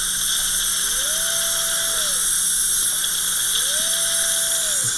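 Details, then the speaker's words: Dental implant pilot drill: two rising and falling motor whines over hiss as a 1.2 mm pilot drill goes through a drill guide in a surgical stent for a mini implant in the lower bicuspid region; bone seemed soft. "Jenna will hold the stent in place while I make my pilot hole is that the silver uh Dr Silver drill guide 1.2 mm pilot drill and you go up and down with the one time"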